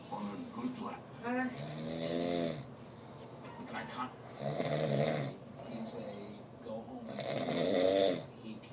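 Loud rattling snores on the in-breath, about 20 a minute, with faint talk in the background.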